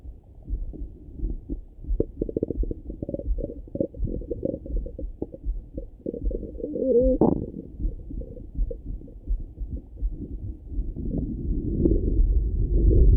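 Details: Morning stomach rumbling heard through a stethoscope: frequent low gurgles and rumbling with a brief squeaky tone midway, ordinary active bowel sounds (borborygmi).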